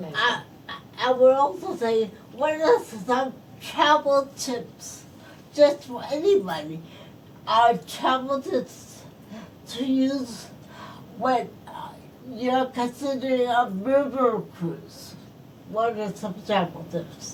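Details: Post-stroke speech impairment in a woman who is a stroke survivor.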